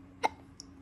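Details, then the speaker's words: Child with hiccups being encouraged to hold her breath and offered milk: a single abrupt, voiced hic sound followed by a faint click; hiccups. "what do you have you got the hiccups how'd you get the hiccups you need your milk"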